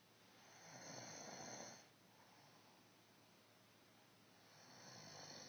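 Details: Snoring from a sleeping woman who claims she doesn't snore.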